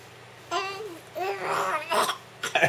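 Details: Young child making a voluntary fake cough: a few short, voiced, put-on coughs sounding like vocal play.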